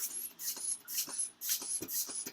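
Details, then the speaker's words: Manual blood pressure measurement: rhythmic hissing squeezes of a hand bulb, about two per second, inflate an arm cuff placed over the brachial artery with the stethoscope bell on it; the reading taken afterward was 132/98. "we're gonna place it above the brachial artery or directly on it once we've gotten their placement correct so begin to inflate the cuff you"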